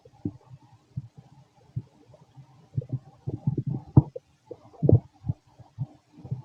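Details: Fit male, stomach growling while digesting: frequent short gurgles and low bubbling pops, very loud active bowel sounds, a normal finding.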